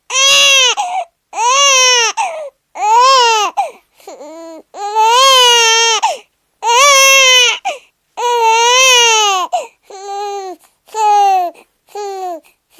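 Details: Newborn baby crying a lot: repeated loud, high-pitched wails separated by brief pauses for breath.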